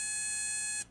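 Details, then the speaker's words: Pneupac ventiPAC emergency/transport ventilator pre-use check: patient connection port blocked with the thumb triggers a steady high-pitched pneumatic audible high-pressure alarm lasting under a second, as expected. "then check that the peak inflation pressure reading on the manometer is appropriate for the patient also make sure the pneumatic audible alarm sounds"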